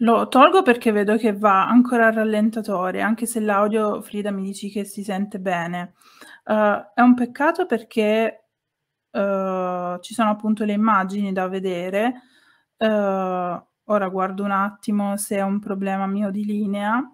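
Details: Adult woman speaking Italian; Normal speech.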